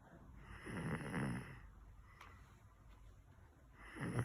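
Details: Snoring during a nap: low, rattling breath noises that rise and fade with each breath during sleep.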